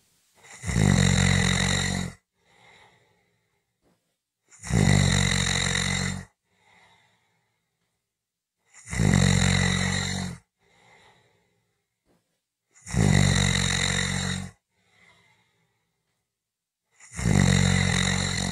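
Loud, rough snores on each breath in, about every four seconds, roughly 14 a minute, with quiet breaths out between them.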